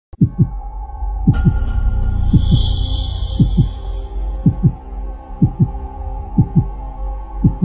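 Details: Sleeping dog: loud, regular low snorting snores about one per second over a steady hum; snoring.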